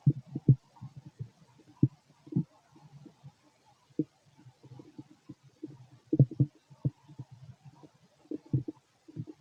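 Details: Adult male's stomach noises while digesting food: frequent short, low gurgles and pops in irregular clusters; ordinary active bowel sounds during digestion.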